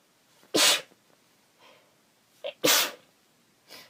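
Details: Cold weather sneezes from a female: two sharp, forceful sneezes, each preceded by a quick inward breath, with faint sniffles in between.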